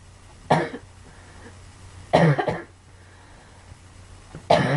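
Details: Girl gives three separate coughs, one a quick double cough, with quiet room noise between them; a child's cough.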